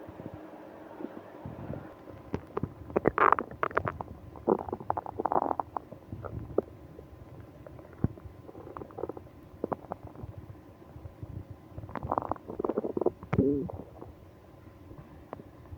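Bursts of gurgling and rumbling bowel sounds, some drawn-out and squeaky, against quiet room hum; active stomach growling with a stomach ache.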